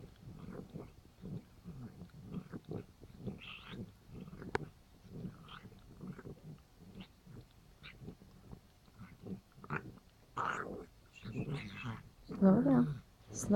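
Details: Irregular snorting, noisy breaths from a female cat, with louder harsh bursts toward the end, 5 days after laryngeal tie-back surgery, while cleaning herself; noisy breathing after laryngeal surgery.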